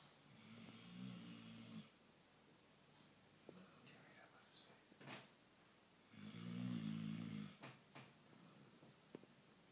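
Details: Sleeping dog snoring: low, rumbling snores on each breath separated by quieter pauses, with a few small clicks and rustles, before being woken up.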